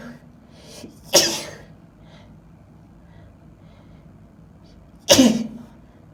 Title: Can't Stop Sneezing 🤧 (F) Happy Thanksgiving!